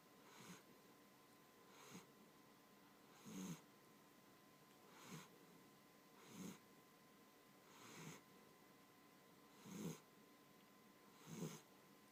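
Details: Soft rhythmic snoring from a sleeping pet, about eight snores over twelve seconds, under steady faint room hum.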